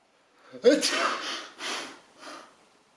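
A sharp nasal burst, then two fading snorting exhalations. A sneeze with sniffing afterwards.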